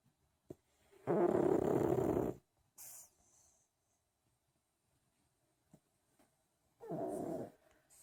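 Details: Pug dog sleeping in, snoring: loud rattling snores, two long noisy breaths with a quiet pause between them.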